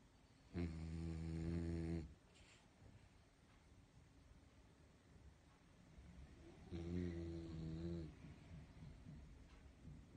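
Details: Steady dog snoring while calm and comfortable: two deep, buzzing snores on slow breaths about six seconds apart, each lasting over a second.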